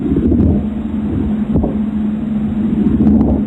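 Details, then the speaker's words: Recorded pleural friction rub in pleurisy: low, rough rubbing and grating as the pleural linings rub together, described as extremely painful; pleural friction rub. "So those linings rub together. They say it's like extremely painful. This is what that would sound like."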